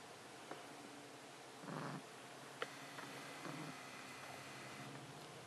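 A cat makes two short, rough, wheezy breaths against a quiet room hiss.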